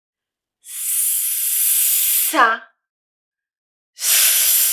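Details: Demonstration of a correct prolonged /s/, tongue behind the teeth, teeth together, lips smiling; correct prolonged /s/.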